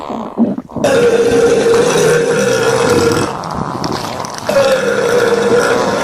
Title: Stomach Sound With Burps And Farting